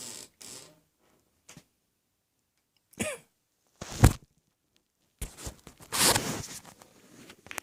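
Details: Cough.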